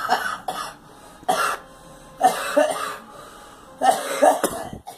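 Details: A girl coughs while someone tells her to "let it out": repeated short coughs in small clusters, with quiet pauses between them.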